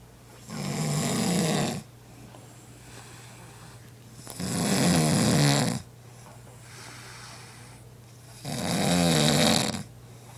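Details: Adult recording their own sleep, previously unaware of snoring: loud, rough snores on each inhalation, about 15 per minute, with quiet pauses between; ordinary snoring during sleep.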